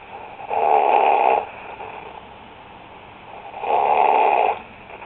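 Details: Two long, rough, buzzing breaths about three seconds apart in a quiet room; steady snoring.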